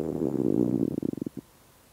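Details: Hunger stomach growling after almost a day without eating: a low, drawn-out growl breaking into rapid gurgling pulses, then fading.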